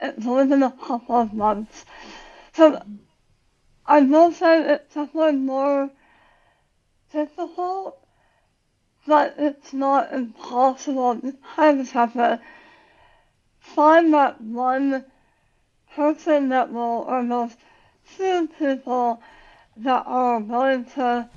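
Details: Adult woman about 9 years after tongue cancer surgery and radiation, who had to relearn how to talk; articulation difference after glossectomy.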